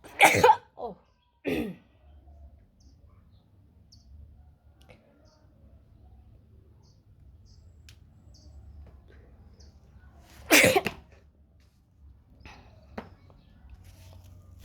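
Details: Sneezes: two short, sharp bursts close together, then another several seconds later, in a quiet outdoor setting.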